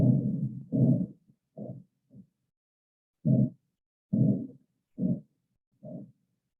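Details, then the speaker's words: Arteriovenous fistula bruit, heard through a stethoscope over a dialysis access: a large, loud, low whooshing of blood surging with each pulse, about 70 a minute, showing the fistula is functioning. "just a large loud whooshing of blood you could hear it if you put their fistula up to your up to your ear which is kind of weird"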